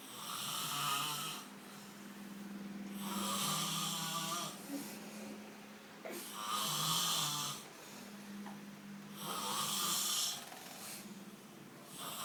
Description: Extremely funny snoring video.